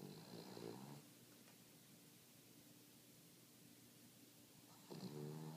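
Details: King Charles dog snoring in sleep: two soft, rumbling snoring breaths about four seconds apart, separated by quiet room hum.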